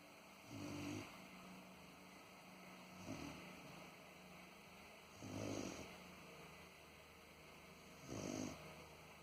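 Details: Sleeping dog that habitually snores like a human: slow, rumbling snores about one every two and a half seconds over a steady hum; snoring.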